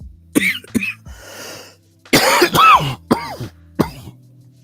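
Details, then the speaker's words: Adult with a lingering cough after a cold, worse when cold air reaches the lungs, in a chilly room: a fit of about six harsh, partly voiced coughs with a breath drawn between. "can hear the lingering cough um and it may last for a while longer who knows cuz I know some people have gotten this cold and they've had a cough for a month afterwards"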